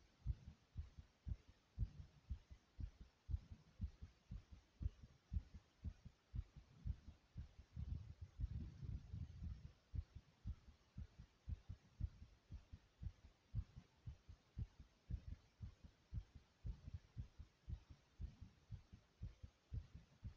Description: My Heart was beating super fast here after doing some different exercises.